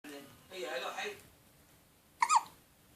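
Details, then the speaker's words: Baby's hiccups: soft vocal sounds, then a sudden short, sharp catch of voice, typical of an infant hiccup. "Hiccups. Baby's hiccups."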